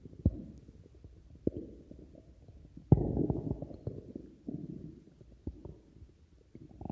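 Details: Low gurgling and rumbling with scattered pops and bubbling bursts: stomach growling (borborygmi) from gas and fluid moving through the gut.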